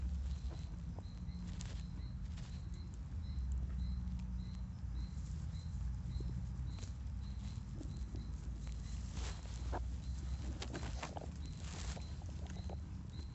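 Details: Horse stomach growling: deep continuous rumbling with scattered gurgles and clicks; bowel sounds (borborygmi).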